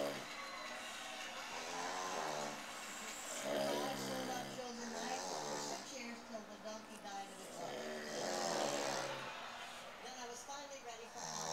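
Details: Snoring during sleep, recorded on a Flip Video camcorder: loud, rough, repeated snores with a raspy, rumbling quality over a steady room hum.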